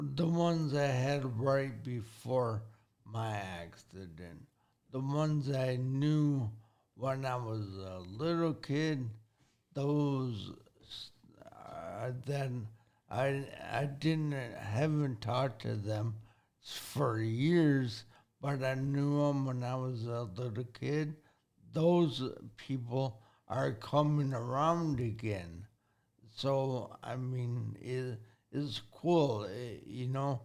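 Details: 40-year-old man with severe traumatic brain injury from a car accident at age 19, affecting thinking, processing time and speaking speed; had to relearn talking and has had speech therapy; acquired speech impairment after traumatic brain injury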